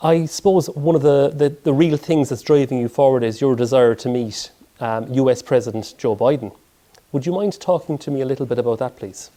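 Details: Adult male speaker; typical speech.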